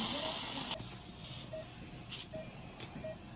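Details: Loud hissing dental suction that cuts off abruptly, then a quieter hiss with brief bursts, during sectioned extraction of a loose, fractured, abscessed tooth for an immediate implant procedure with no cuts or stitches.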